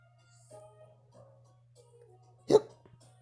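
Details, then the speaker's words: One sudden, sharp, brief gulping hiccup in a quiet room with a low hum; the hiccups stop as soon as the one hiccuping is held. "you got the hiccups you got hiccups"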